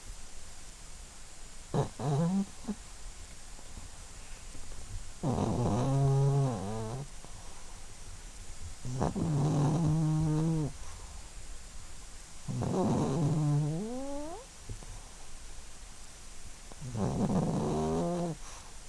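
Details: 12-year-old Yorkshire terrier asleep and dreaming: rhythmic groaning, tonal snores with small whimpering rises, roughly 14 a minute; snoring.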